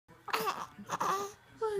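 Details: Short, high, wavering voiced cries and fussing sounds from a young child: infant crying.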